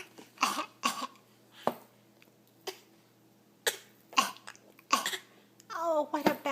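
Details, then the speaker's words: Infant boy gives a run of repeated short coughs, described as a bad cough, followed by a brief whimpering vocal sound. "oh he got bad cough he's got a bad"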